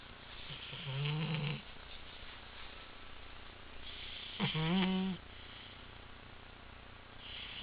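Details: Napping pet cat snoring: two short, rough snoring breaths over a steady background hum.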